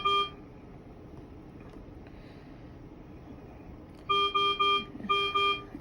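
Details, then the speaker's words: Repeated electronic alarm tones in short bursts with a quiet gap, from a neonatal ventilator being demonstrated on noninvasive positive-pressure ventilation settings, with a backup rate of 50. "then again I have my alarm going off so I can change it right there"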